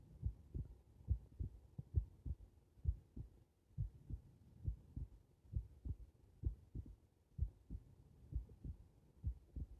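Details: Heart recorded lying on the back: soft, steady paired heart thumps at about 66 beats a minute with faint low background hum; heart sounds.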